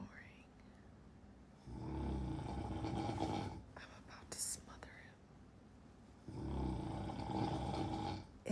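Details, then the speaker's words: Snoring in a sleeping husband, deeply asleep and not woken by talking beside him: two long, loud, rattling snores on inward breaths, separated by a quiet pause and a brief whispered sound; ordinary snoring. "to me the most annoying sound in the world is"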